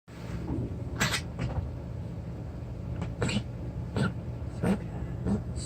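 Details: Cat giving a series of short, sharp, hacking coughs over low background noise, followed by a small seizure lasting a couple of seconds in which she fell over.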